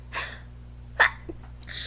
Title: Girl's Epic Sneezing Attack